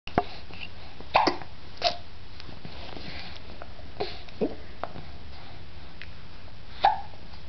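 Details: Baby girl's hiccups after her mother made her laugh: brief, abrupt little catches every second or two against steady room hiss.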